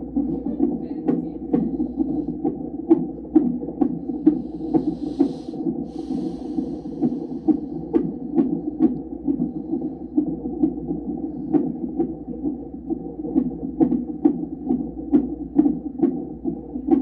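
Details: Fetal heartbeat picked up by Doppler over a pregnant mother's abdomen during monitoring: fast, rhythmic whooshing pulses at about 130–140 beats a minute.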